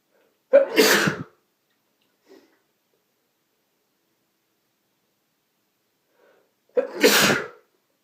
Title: Allergy Sneezes (M)